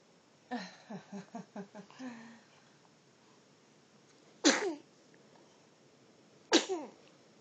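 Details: A 5.5-week-old infant fusses softly, then gives two sharp, short sneezes about two seconds apart: ordinary infant sneezing.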